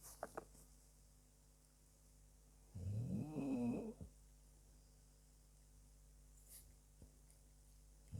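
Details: Dog snoring: a single rough, fluttering snore of about a second in a quiet room, surrounded by soft breathing and faint room noise.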